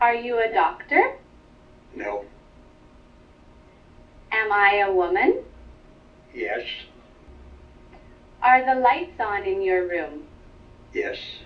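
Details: Adult woman, clinician, over telepractice; Normal speech.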